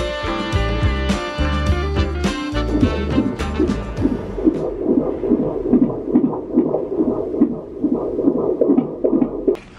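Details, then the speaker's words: Rapid, regular whooshing pulses at about 140 a minute after a burst of music: fetal heartbeat on a doppler at a late-pregnancy midwife visit, pulse reported as 140. "Was the pulse 140? Is this true, what he says, that there are different pulse rates for boys and girls?"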